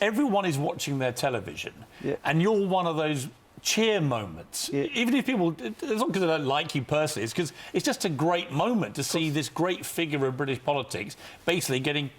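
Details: Adult male presenter; Normal fluent speech.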